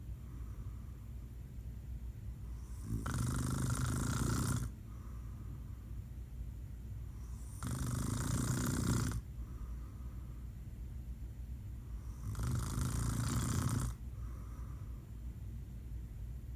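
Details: Three loud, rough snores on breathing in, about every four and a half seconds (roughly 13 breaths a minute), with quiet breathing out between: an adult man (dad) snoring.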